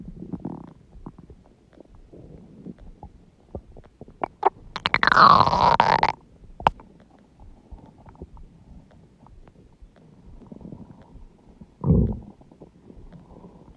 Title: Huge stomach growling noises | My Stomach Makes Noises